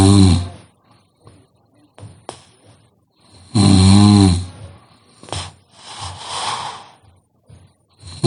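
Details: Loud, rattling inhaled snores with snorts and gurgling breaths, irregular, about 15 a minute; heavy snoring.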